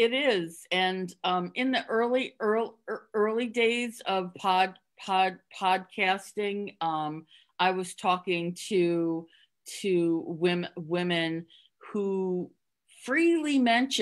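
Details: Stuttering in an adult woman who stutters, speaking openly in a podcast interview; she concealed her stuttering through avoidance for close to 30 years before embracing it.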